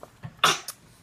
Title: Coughing is funny